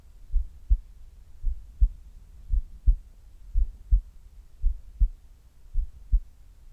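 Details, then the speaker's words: Resting heart sounds recorded before abdominal sit-up exercise: slow, steady lub-dub about 55 beats a minute with clear paired beats, normal heart sounds. "まずは平常時の心音をお聞きください。それではどうぞ。"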